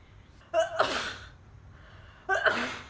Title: girl sneezing and coughing